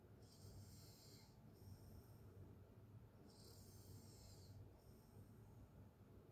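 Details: Open-mouth snoring during sleep: faint, low rattling snores on slow breaths under steady room hiss.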